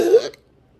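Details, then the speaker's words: Intractable hiccups in a patient six years into the condition, June 2021: a single abrupt voiced hiccup with a sharp catch, one beat of persistent hiccups leaving the esophagus strained and speech difficult. "it took me a while to get the phone out and it was going on the whole time like it always does and afterwards my esophagus is so stressed and strained i can't talk of course they didn't stop the hiccups"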